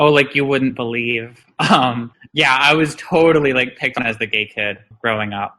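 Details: Adult speaker, conversational; no speech disorder.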